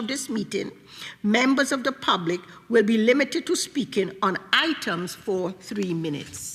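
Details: Adult woman speaking; Normal speech.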